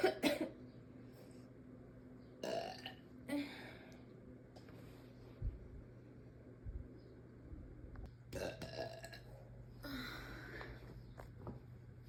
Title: Girl burping mavis cosplay #burping #funny #belching #burp #eructo #soda